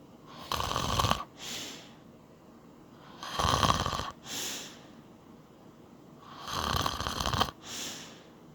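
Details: Man asleep wearing an anti-snoring nose plug that is said not to work: regular rattling inhaled snores, each followed by a softer breath out, about 20 breaths a minute; snoring during sleep.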